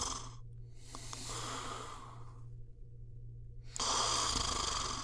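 Loud, harsh snoring breaths with a rattling, fluttering quality, separated by brief pauses, over a steady low hum.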